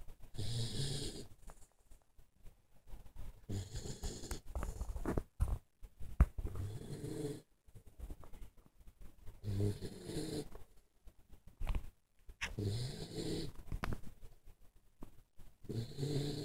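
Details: Snoring: repeated low, rumbling snores, about 25 breaths a minute, with soft snorts between them.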